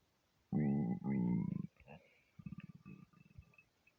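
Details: Stomach after overeating, half hungry half gassy: loud drawn-out gurgling growls then softer bubbling rumbles; borborygmi.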